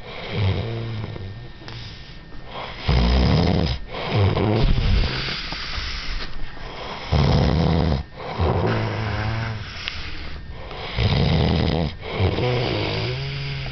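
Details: Snoring that keeps the listener awake at night: loud, deep, rattling snores in slow cycles, about three in the clip, with quieter breaths between; ordinary snoring.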